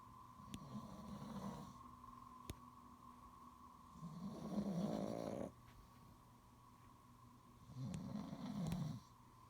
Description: Dad and me sound asleep but can you tell who is who from the snoring. Does dad snore like me or do I snore like dad?